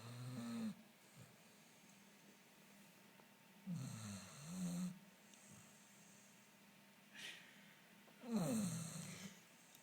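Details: Pet dog (female) snoring: soft, irregular snorting snores with whistly, wavering tones and a short snuffle in a quiet room.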